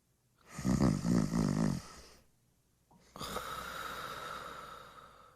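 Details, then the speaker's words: Sleeping adult snoring, used as a sound-quiz item in dementia cognitive training: a rattling, fluttering snore on the in-breath, then a long airy out-breath. "이것은 사람이 내는 소리입니다 사람이 잠잘 때 내는 소리입니다"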